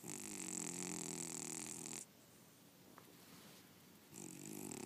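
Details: Sleeping cat snoring: a long, buzzing, fluttering breath, a pause, then the next snore beginning.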